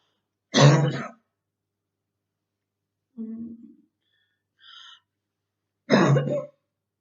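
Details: Girl with very hard bronchitis during quarantine: two harsh single coughs with a soft throat-clearing between them in a quiet room.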